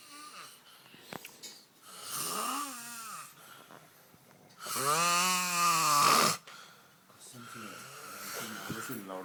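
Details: Man heavily snoring in his sleep: loud, drawn-out groaning snores with softer rasping breaths between them.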